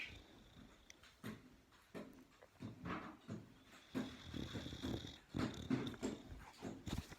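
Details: Sleeping boxer dog snoring before waking: rough, irregular snorting breaths with a rattling, throaty quality.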